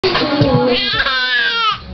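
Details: Infant upset by hiccups: a short, high-pitched wailing cry, rising and falling over about two seconds; infant cry.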